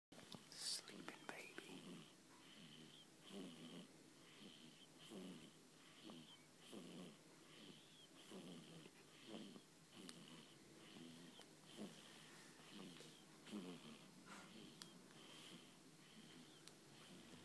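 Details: 2-week-old baby girl asleep during a nap gives soft, regular snuffly snores with a faint whistling tone on each breath: infant snoring.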